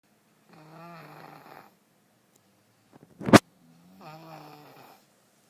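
Two soft, vibrating snoring breaths about three seconds apart in a quiet room, with a brief sharp knock between them.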